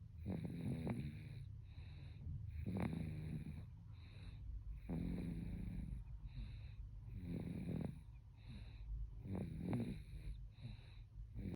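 Soft, snuffly rattling breaths repeating about 28 times a minute over low background hum; snoring in a baby.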